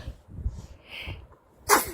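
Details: Infant playing with her older sister gives a single sudden, high-pitched sneeze after soft breathing noises; ordinary baby sneeze.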